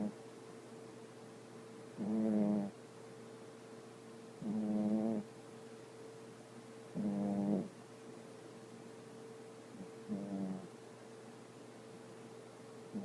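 Soft, rumbling snores about every 2.5 seconds, roughly 24 breaths a minute, over a steady background hum; ordinary snoring in a sleeping dog.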